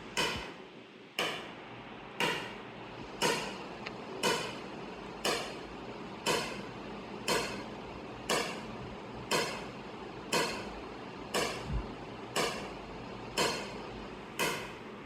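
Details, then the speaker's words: Sharp, regular snapping clicks about once a second, roughly 59 a minute: ESWL lithotripter shock waves focused on a right proximal ureteric stone in a patient lying without anaesthesia or pain; the stone is starting to fragment. "मैं आपको stone दिखाता हूं जो मैंने focus किया हुआ है। अब ये सारी शॉक वेव स्टोन को ही लग रही है।"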